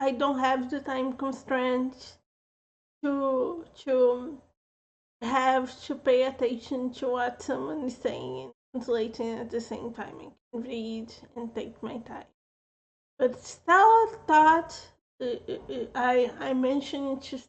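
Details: Adult woman with a self-reported speech impediment who says she slurs a little; slurred speech (speech impediment).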